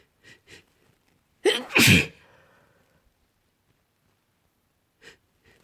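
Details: Sleepy person sick with a cold, sneezing: a sharp double sneeze with a quick in-breath before it, between soft breathing sounds.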